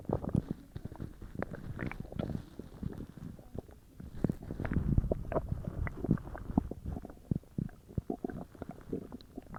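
Frequent gurgling, bubbling and rumbling noises, irregular in loudness, from the belly during digestion after a large meal; normal bowel sounds.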